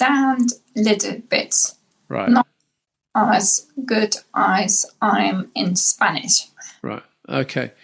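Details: Adult woman, formerly a five-language English teacher and translator, with aphasia after a massive brain bleed (stroke) about 10 years earlier; English and German are now easiest, Spanish returning slowly: aphasia.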